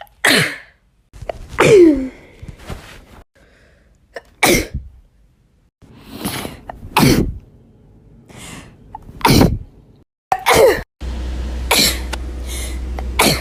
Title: natural sneezing compilation